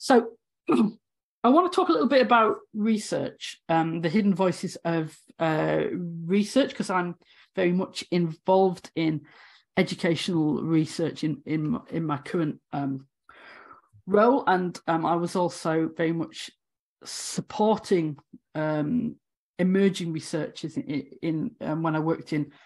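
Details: Adult woman, former university lecturer of 18 years, who has a real stammer; stammering (stuttering).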